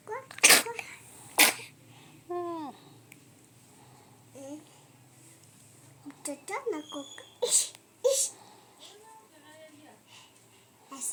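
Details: Two sharp, bursting sneezes at the start, then child vocalising and chatter in a small room; sneezing.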